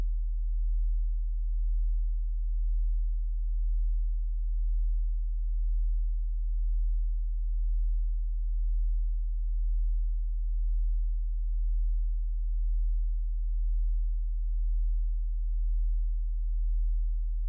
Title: Hearing Test (sourced from mp4)